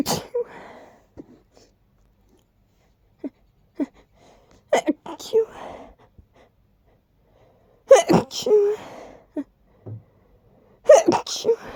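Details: Person sneezing: several sharp sneezes, each preceded by short catching in-breaths as the sneeze builds up, some not stifled.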